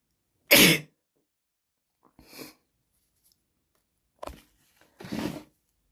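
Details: A girl gives a run of four sneezes, one loud explosive burst then three softer, moist, snotty-sounding sneezes a second or two apart in a small room: sneezing.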